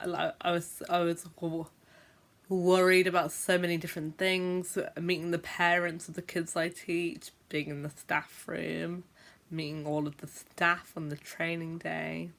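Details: Stammering (stuttering) in an adult woman who is a teacher and describes herself as a stammerer who sometimes blocks for a long time when speaking.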